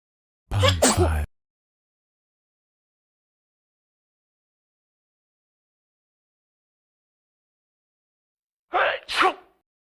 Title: her friends sneezing (Cus why not ¯\_(ツ)_/¯)